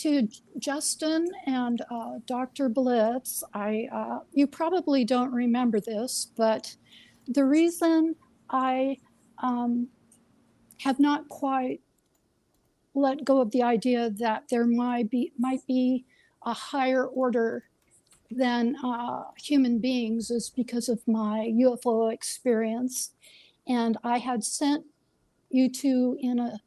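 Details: Woman relearning to talk over three years, with a self-described slight speech impediment that comes and goes and is worse when nervous; she links it to brain involvement; disfluent speech impediment.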